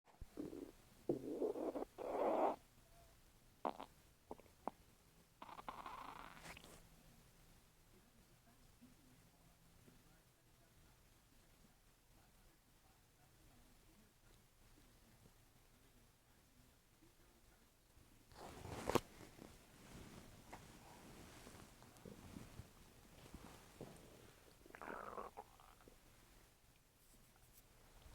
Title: my stomach making weird noises, gurgling